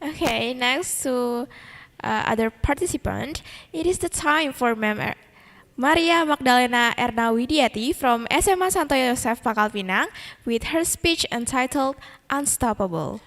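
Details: Adult woman speaking; normal voice.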